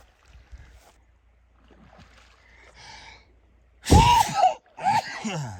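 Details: Person sneezing near a moose couple: quiet background, then a loud explosive sneeze followed by a second shorter one; sneezing.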